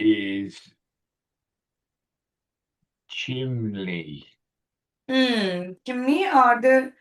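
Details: 65-year-old male with Broca's aphasia in a real tele speech therapy session on a picture-based word-retrieval task; non-fluent speech with word-finding difficulty; Broca's aphasia.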